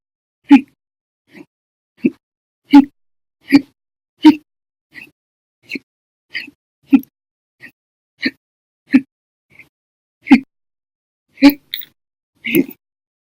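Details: Hiccups lasting nearly 11 hours after breakfast, lunch and a cup of soda after dinner: repeated short, abrupt hiccups in a quiet room, about 18 in thirteen seconds, varying from loud to faint.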